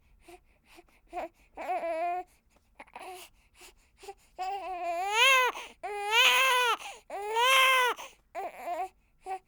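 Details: One-week-old newborn girl crying in rising, high-pitched bursts separated by short gasping breaths, recorded with a ZOOM F8n recorder and Sennheiser MKH416 microphone.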